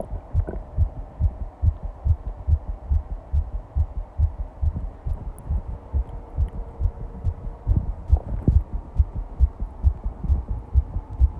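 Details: Rapid, regular low thumping heartbeat at about 140 beats a minute over a steady low hum: fast heartbeat, tachycardia.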